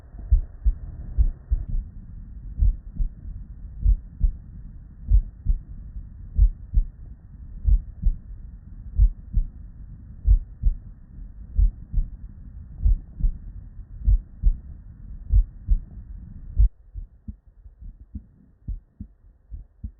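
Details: Real, unedited bedside recording of normal human heart sounds (S1 and S2) from patients with normal cardiac physiology, looped seamlessly into continuous listening.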